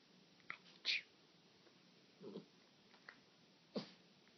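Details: Small puppy sneezing on command as a trick: a few short, sharp puffs of air through the nose in a quiet room, a normal sneeze.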